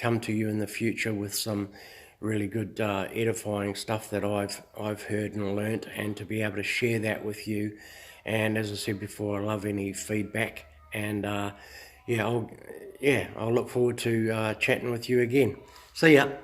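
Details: Adult male who says he stutters a little, making short videos to build confidence; stuttering.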